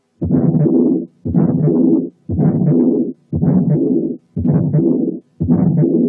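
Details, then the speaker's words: Regular heart cycles near 58 a minute, each with long rushing murmurs filling both systole and diastole: a case with both systolic and diastolic murmurs. "هسمعكم صوت حالة فيها both systolic and diastolic murmurs عشان تعرفوا الفرق بينها وبين"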